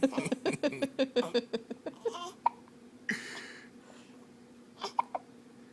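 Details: Ten-day-old newborn boy with hiccups being encouraged to hold his head up: rapid, rhythmic, short voiced cries and whimpers tapering into quiet breathing; a plain infant cry.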